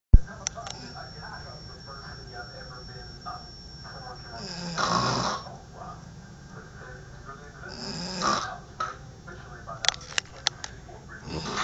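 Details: Two rough, rattling snores a few seconds apart from a sleeper who is worn out, over steady background hiss and small clicks: snoring.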